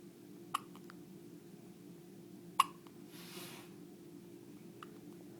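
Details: Two sharp, brief clicks a couple of seconds apart over steady room hum, with a faint third; hiccups.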